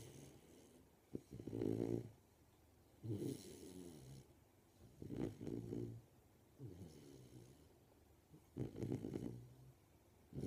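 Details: Golden Retriever puppy, 13 weeks old, asleep: soft, low rumbling snores with each breath, roughly every two to three seconds, over faint room hiss: snoring.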